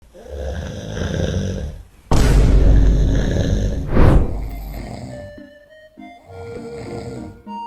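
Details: Dad snoring while asleep, with loud, rough snoring bursts, background music and brief baby sounds; ordinary heavy snoring.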